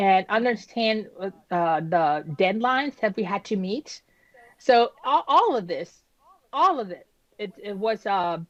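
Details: Woman who had a stroke at age 36 damaging about a third of her brain, including the speech center, initially leaving her unable to speak with right-side paralysis; she had aphasia and apraxia of speech after the stroke.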